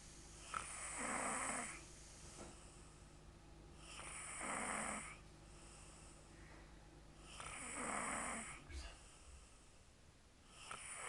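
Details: Female heard loudly snoring at bedtime: rough snores on each breath in, about three in eleven seconds, with quiet breathing out between them.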